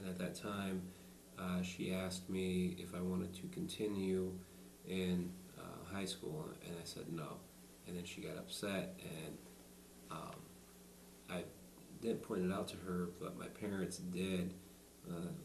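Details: Adult man who has stuttered all his life, in conversation without the SingRite device; stuttering.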